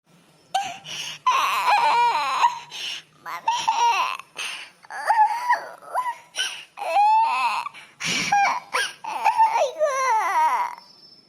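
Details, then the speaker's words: Acted crying in a cartoon drama: a woman in labour sobs and wails in broken bursts. She has frequent labour pains and begs the doctor for a caesarean. "हे बघ हे बघ ऐक ऐक रडू नकोस तुझी आता डिलिव्हरी ना काही काही मिनिटामध्ये होईलच टेन्शन घेऊ नको"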